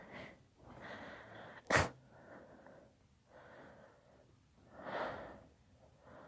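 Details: Deliberately induced sneezing fit: breathy build-up inhalations around one sharp, explosive sneeze.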